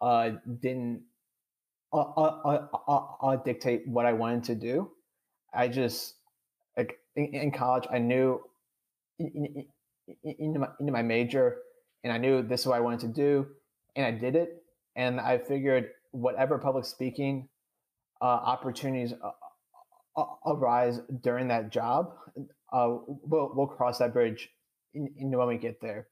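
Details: 26-year-old adult who has stuttered since childhood, had speech therapy twice, and says he stutters on this recording with blocks and syllable repetitions; stuttering.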